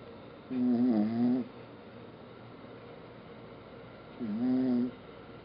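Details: Two tonal, whistling snores about three and a half seconds apart over a quiet room hiss; snoring.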